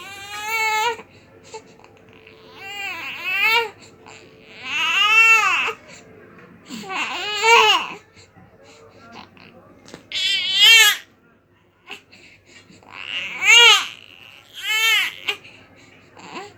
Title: Baby crying sound effects || New born baby crying sound ||